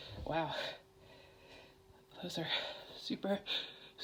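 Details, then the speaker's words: Sneezing fit in an adult female, set off on purpose with chhinkni sneezing powder: several sharp sneezes, each after a quick catching in-breath, with talking between them in a quiet room. "Oh, I have to sneeze again. Jeez. I have to sneeze."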